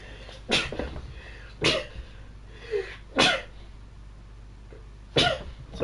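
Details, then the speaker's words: Adult streaming a video game pauses to sneeze: four sharp, explosive bursts of air, a run of ordinary sneezes. "had to sneeze I'm sure you can hear that"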